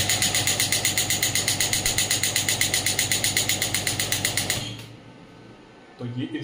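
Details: Biotronix pneumatic extracorporeal radial shockwave therapy (ESWT) device firing in a demonstration: rapid regular sharp pulses at about 4 per second, about 240 a minute, then it stops.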